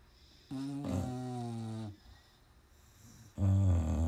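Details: Dog snoring badly while asleep: loud, deep, buzzing snores on the in-breath, separated by a quiet pause.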